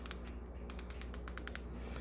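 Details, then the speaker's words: Ozempic (semaglutide) injection pen, weekly 0.5 mg dose, used by a type 2 pre-diabetic adult: a run of about a dozen sharp mechanical clicks, the final click signalling the full dose is delivered. "you just dial it to the amount that you take you can hear it once it clicks that means all the medicines out"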